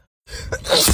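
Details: Woman's sneeze recorded on camera, edited into a loop, hashtagged allergies: brief silence, a quick intake of breath, then one explosive sneeze burst.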